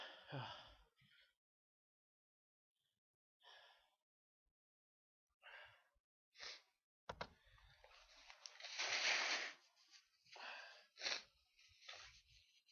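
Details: Bout of several sharp, explosive sneezes with breathy intakes between them from an adult: sneeze.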